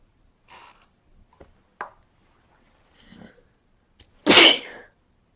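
Quiet sniffs and catching breaths build up to one loud, explosive sneeze, typical of a sneeze during a head cold.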